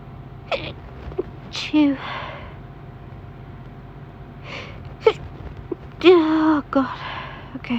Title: Stifled girly sneezing fit